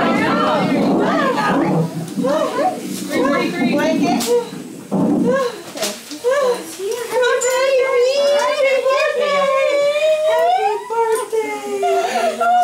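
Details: Newborn's first cry just after natural vaginal birth of a first child, moments after pushing and before cord clamping: strong, sustained cry with rising pitch over background voices and music.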